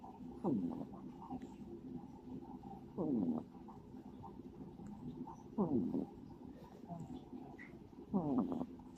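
Four short, fluttering snorts at a steady rhythm of about 23 breaths a minute over a faint background hum: a sleeping cat snoring.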